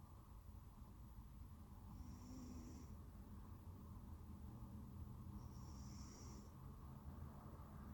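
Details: Low, steady rumbling breath noise with faint whistly moments; soft snoring from a sleeping cat.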